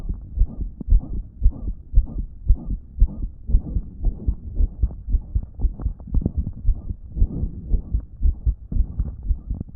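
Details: Phone recording of a person with a damaged heart, on a day it wasn't pumping effectively: a rapid, regular heartbeat at about 115 a minute with a loud blowing sound filling the gaps between beats, a heart murmur.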